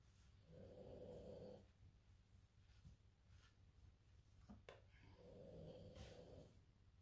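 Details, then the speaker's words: A sleeping small female dog snores loudly, two rattling snores on the in-breath about five seconds apart; snoring. "J'ai mon petit chien qui ronfle, mais elle ronfle très fort. Je sais pas si vous l'entendez. Elle doit bien dormir."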